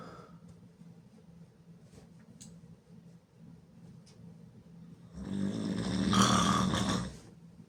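After quiet breathing, a loud, harsh, fluttering snore of about two seconds on the in-breath, with mouth-open rattle; loud snoring.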